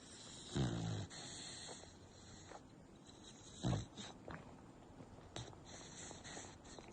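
Two loud, low snorting snores a few seconds apart over quiet room noise; dog snoring in sleep.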